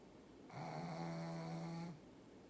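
A single drawn-out, steady-pitched droning snore over a quiet room: snoring during sleep.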